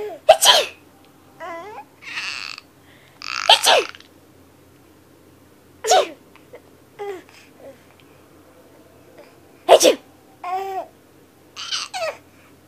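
About four sharp, explosive sneezes. Between them an infant babbles and laughs.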